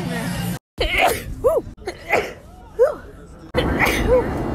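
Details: Sneeze compilation: several quick explosive sneezes with voiced bursts and music underneath; ordinary sneezing.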